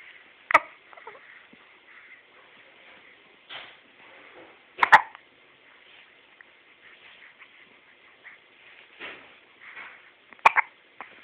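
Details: Three sharp, abrupt clicking hiccups spaced a few seconds apart, with soft breathing sounds between, in a quiet room; hiccups.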